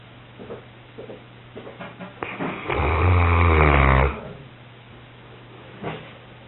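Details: Pyrenean Mountain Dog having an afternoon snooze: a loud, low, rattling snore on one breath with a steady hum in the background; dog snoring.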